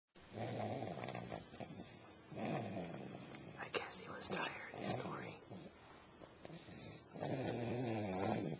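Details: Person snoring, recorded with a Flip Video camcorder: loud, rough, rattling snores on slow breaths, with quiet whispering in the room between them.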